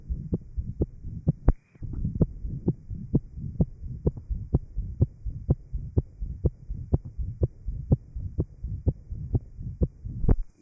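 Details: Heart sounds recorded in 1955 from a patient with interventricular septal defect after post-operative plication of the pulmonary artery.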